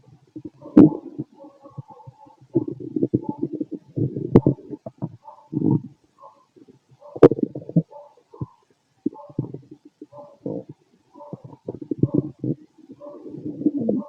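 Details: Fit adult male, stethoscope on the abdomen: bursts of gurgling, bubbly growls with short quiet gaps, ordinary active bowel sounds.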